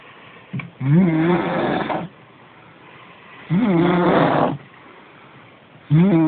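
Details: Loud, rough snores with rising pitch, about 25 a minute, separated by quiet breathing, from a sleeping woman; snoring.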